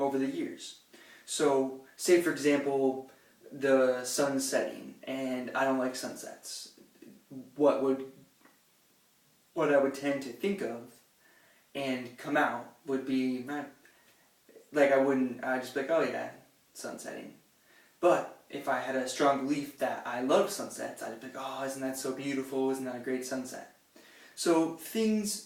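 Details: Stuttering with audible repetitions in an adult man who reports m, b and sometimes a sounds as difficult for him.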